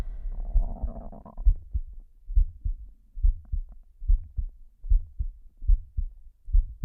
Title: slow heartbeat (w/heavy breathing)